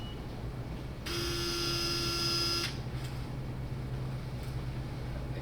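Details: Fluoroscopy exposure beep: a steady electronic tone of about one and a half seconds over room hum, marking an X-ray shot while checking guide wire and drill position during CurvaFix implant fixation in the pelvic anterior column.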